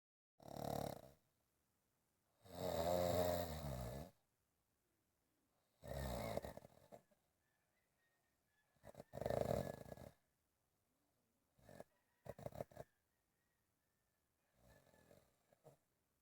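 Loud, rough snores in irregular bursts separated by quiet pauses, some long and buzzing, others short and broken; snoring.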